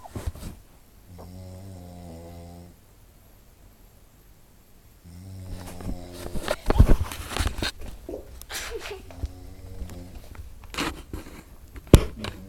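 Low, buzzing snores with long pauses between them, then rustling and movement noise.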